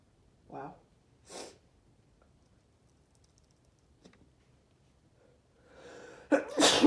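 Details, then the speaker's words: Man deliberately inducing sneezing with strong chhinkni, which burns: two short breathy build-up sounds and a pause, then a strong explosive sneeze. "Ooh, let's sneeze. Oh, wow, that burns."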